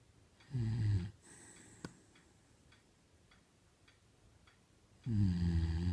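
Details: 10-year-old Beagle snoring while asleep: two loud, low, rumbling breath sounds several seconds apart with quiet between.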